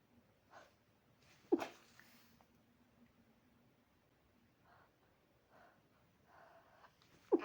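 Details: Quiet room with faint breathy noises and two sharp, explosive bursts, apparently small sneezes, from someone described as an insomniac; sneezing.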